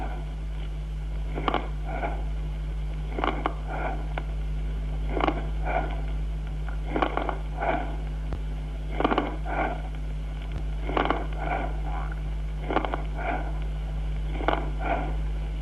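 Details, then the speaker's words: Consonant rales in pneumonia: fine bubbling rales with soft tubular breathing, then medium and coarse rales with tubular breathing; rapid, harsh hollow breaths. Consonant crackles with bronchial breathing. "vamos a oír primero estertores de burbuja fina acompañados de soplo tubario suave a continuación estertores de burbuja mediana y gruesa también con soplo tubario"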